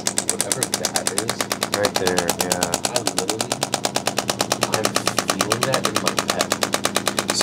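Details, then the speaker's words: Chiropractic shockwave therapy device applied near the upper corner of an adult's scapula, at a trigger point; the patient describes a deep ache and deep percussive feeling. Steady sharp clacking pulses, about one per second, with a voice faintly underneath. "it's like when you hit a really good spot it's a deep ache but but it's just like a the rest of it's like a a deep percussive feeling oh like that"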